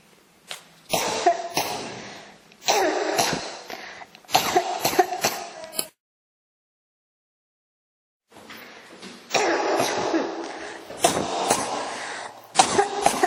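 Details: Coughing that won't stop (ASMR-tagged recording): about a dozen harsh cough bursts in clusters with a brief pause between runs; persistent cough.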